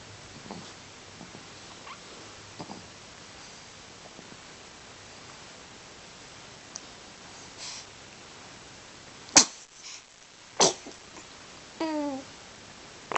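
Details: Small animal sneezing: soft sniffs, then two sharp explosive sneezes followed by the brief squeaky funny noise it sometimes makes after sneezing; sneezing.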